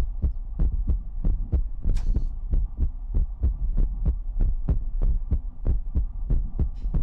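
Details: ASMR heartbeat sound: steady low thumping heartbeat at about 95 beats a minute, with a soft steady hum underneath; normal heartbeat.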